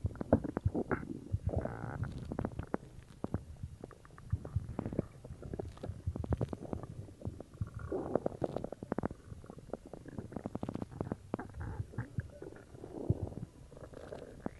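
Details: Stomach growling (borborygmi) recorded after drinking cola: low gurgling and rumbling with bubbly pops, from gas and fluid moving through the gut.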